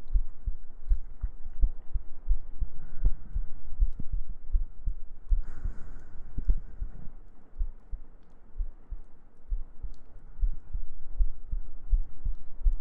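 Steady low, muffled double thumps at about 80 beats a minute, with a soft hum underneath: a regular resting heartbeat.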